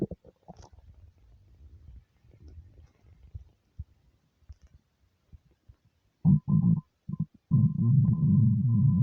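Soft gurgling, then loud, prolonged low rumbling growls from the belly; ordinary hunger rumbling on an empty stomach.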